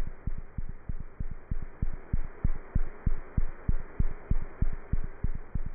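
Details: Cat heart sounds through a stethoscope: steady, fast paired heartbeats at about 190 a minute over a soft hiss.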